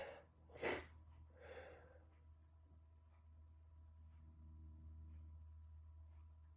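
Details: Adult male sneezing: a quick intake of breath, then one sharp explosive sneeze and a soft exhale, over steady low hum.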